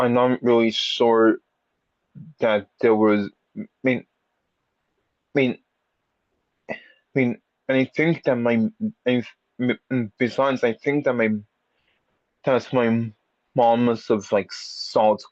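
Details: Stuttering in an audience member who has had speech therapy for a speech impediment; repetitions and revisions heard.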